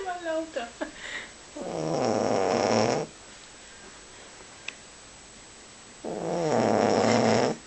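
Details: Boxer dog in deep sleep snoring rather loudly: rough, fluttering snores lasting over a second each, about four seconds apart, with quiet pauses between.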